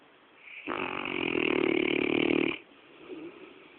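One long, loud, fluttering snore of about two seconds on an in-breath; snoring in a sleeping large dog.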